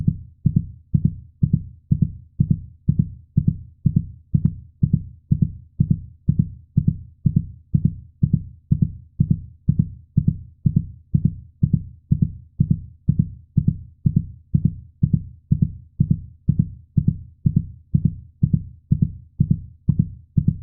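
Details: Steady, regular normal lub-dub heartbeat at about 62 beats per minute, with deep low thumps and no other sound; meant for babies to hear.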